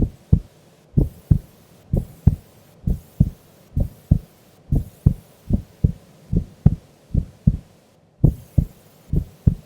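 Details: Female recorded asleep during an afternoon nap: steady paired low thumps at about 70 beats a minute, resting rhythm; normal heart sounds.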